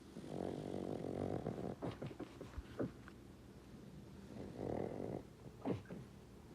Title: Pug having a dream snoring and barking ♥️💤